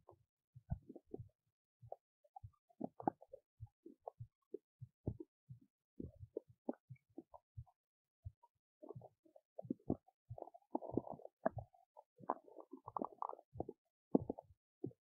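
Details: Belly noises from a woman digesting oats: frequent short gurgles, clicks and bubbling squeaks in a quiet recording, active normal bowel sounds during digestion.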